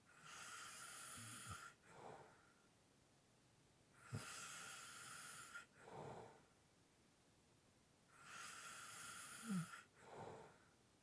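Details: Heavy breathing with light snoring in sleep, about 15 breaths a minute: long airy intakes with light snoring, then a softer breath out.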